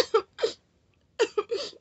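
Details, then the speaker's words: Adult with uncontrollable tic attack, a new vocal tic that began the previous night: short, sharp throaty bursts in quick clusters separated by a pause, not speech or ordinary cough. "because i can't control these ones whoa i had to capture it because they're [ __ ] getting weird"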